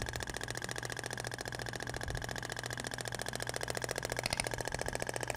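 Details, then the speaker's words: Thork (Ibramed) shock wave therapy with polyacetal tip on a patient's abdomen near the umbilical scar, noted to sound different from the other tip: rapid steady mechanical tapping, about 3–4 pulses per second. "e agora vai para o outro sentido até o barulho é diferente da ponteira de poliacetal"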